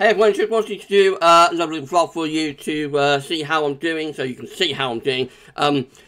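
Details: Adult man one week after partial glossectomy with selective neck dissection for right-sided tongue cancer, tongue still swollen; articulation disorder with difficulty on certain words, especially the 's' sound.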